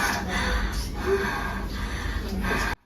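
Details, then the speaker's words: Simulated anaphylactic shock: an adult woman patient acts rapid, noisy gasping breaths with harsh stridor and cannot answer questions properly; tachypnoea 38/min, heart rate 120/min, oxygen saturation 70%; stridor with gasping breathing. "Baik, pada saat merespon, pasien terengah-engah, kemudian terdengar suara stridor dan pasien tidak dapat merespon pertanyaan dokter sesuai dengan pertanyaan diajukan."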